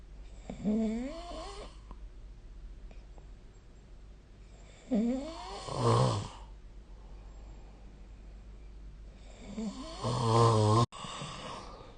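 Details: Snoring during sleep recorded with the SnoreLab app: three irregular rattling snores over twelve seconds, about 13 a minute, with quiet gaps between them.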